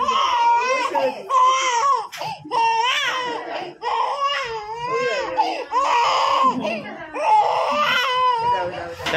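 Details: Loud, rhythmic crying in repeated wailing bursts with short gasping breaths between, from a baby just after both ears were pierced with a piercing gun; infant crying.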